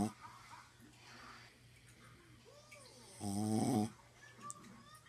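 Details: Sleeping dog snoring during an overnight stay: one loud, rough, buzzing snore on a breath amid quiet room noise.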